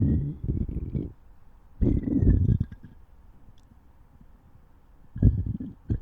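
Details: Stomach growling (borborygmi): low rumbling, gurgling bursts in three episodes from gut movement, a normal digestive sound.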